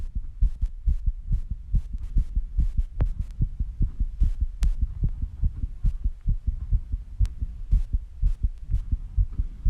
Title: My Very Fast Heartbeat Sounds After Rebreathing and Squats